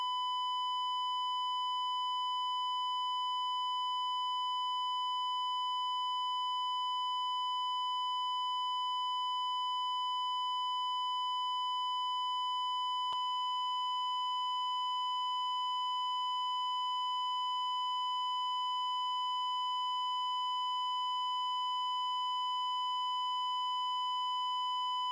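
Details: Sound-effect heart monitor flatline, simulated: a steady continuous high beep throughout, the asystole alarm tone signaling no detected heartbeat.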